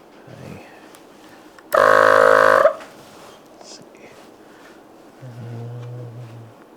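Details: A loud, steady motor buzz for about a second, then it stops and a quieter hum follows; a Vacu-Aide DeVilbiss suction machine test-run after its motor was put back following a loss of suction.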